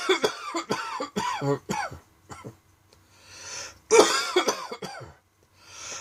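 A run of about ten sharp, dry coughs in quick bursts, broken by short gasping breaths in.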